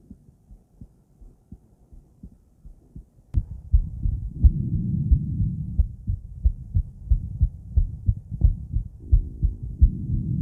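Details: Adult female heart auscultated with various stethoscopes at Erb's point, then mitral, tricuspid, aortic and pulmonic areas: regular heartbeat about 90 beats a minute, faint then louder, over steady rushing stethoscope contact noise.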